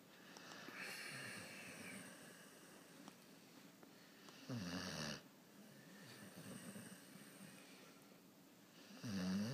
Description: Bulldog snoring